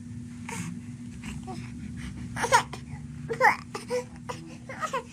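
Short, rising and falling infant cries in bursts over a steady room hum; a hungry baby crying once early feeding cues were missed.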